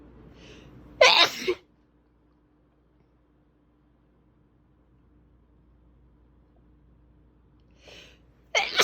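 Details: Big desperate sneezes: two loud, explosive sneezes, each with a brief intake of breath before the burst, separated by a long quiet pause, with fan noise in the background.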